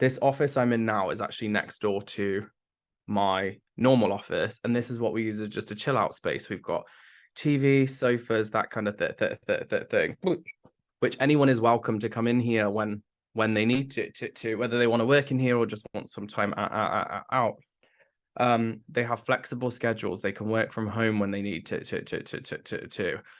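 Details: Adult man with Tourette syndrome beginning in his mid-20s after brain damage, with complex vocal tics including swearing that worsen with nervousness or heightened emotion, plus a stammer that was worse in the past; stammer (stuttering) in Tourette syndrome.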